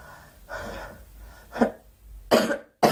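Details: Girl clearing her throat followed by two sharp cough bursts; coughing.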